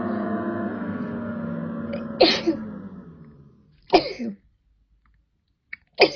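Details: Young women sneezing after a COVID-19 nasal swab test; a fading tonal hum, then sharp explosive sneezes, each a sudden burst of air; swab-induced sneezing.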